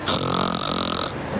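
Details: An adult man imitates his wife's snoring with a single rough, voiced snorting rattle lasting about a second. Snoring, imitated.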